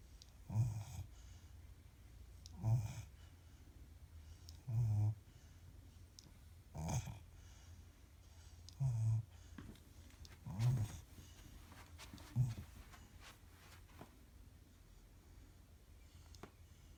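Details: 16-week-old (4-month) cane corso mastiff puppy snoring while asleep: low rumbling snores, about seven in 17 seconds, in a quiet room.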